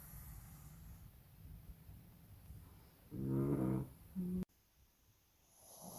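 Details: Snoring from a sleeping baby pug.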